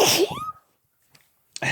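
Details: Single forceful adult sneeze, a sharp hissing burst with a voiced 'choo' tail, then quiet.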